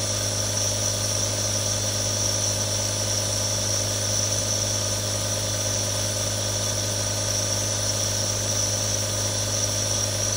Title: ASMR Nebulizer Sound [RELAX NOW WITH THREE NEBULIZERS] 1 HOUR NO ADS | Aerosol Sound